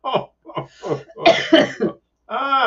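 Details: Adult coughing while sick with chest congestion and a hacking cough during allergy season.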